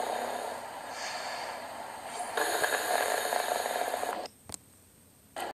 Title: snoring loudly 9-8-14 #BB16